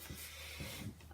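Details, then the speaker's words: Sleeping female dog snoring in the background of an indoor vlog: short, low, rumbling snorts over steady room hiss and hum. "Can you hear her snoring? Honestly."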